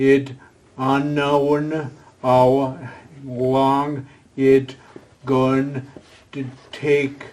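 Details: Adult man with aphasia following a stroke, a former professional attending an aphasia conversation group for support and communication practice; real patient speech showing aphasia.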